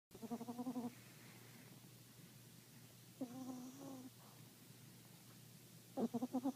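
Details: Snoring: three bursts of rhythmic, fluttering nasal snorts and a moaning exhale, a few seconds apart, over quiet room noise.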